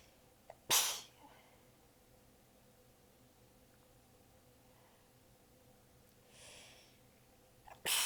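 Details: Two forceful sneezes several seconds apart with a soft breathy sound between. Part of a massive sneezing fit; the person is exhausted with sore abs and partly stifling the sneezes. The fit was recorded across clips in changing positions.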